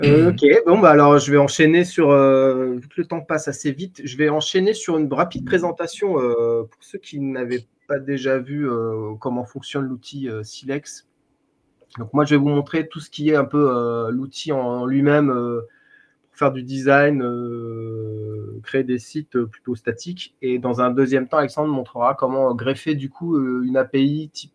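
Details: Adult male speaker; Normal speech.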